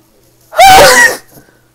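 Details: Single loud, explosive voiced sneeze about half a second long, followed by quiet; deliberately induced sneezing.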